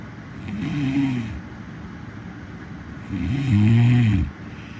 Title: Snoring Sound Effect